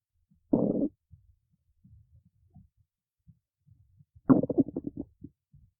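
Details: Two short bursts of low stomach gurgling with faint bubbling between them; ordinary stomach growling (borborygmi).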